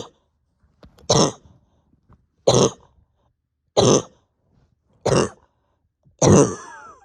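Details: Five forceful, harsh coughs about every 1.3 seconds, the last trailing into a strained breath; cough with pain deep in chest and stomach, bronchodilator not helping, after over 32 hours without sleep.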